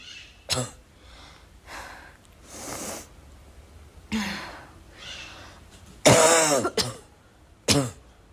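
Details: Run of repeated coughing: several sharp cough bursts mixed with throat clearing and breathy sounds over about eight seconds.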